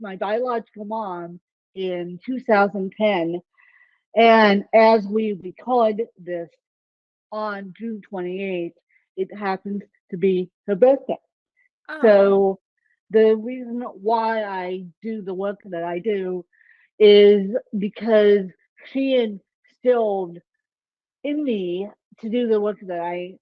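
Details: Dysarthria in an adult woman with ataxic cerebral palsy; the type of speech impairment is not named.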